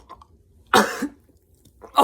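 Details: Person chugging sparkling water while trying not to burp: a single harsh cough-like burst followed by a throaty rumble, like a cough or throat clearing; cough.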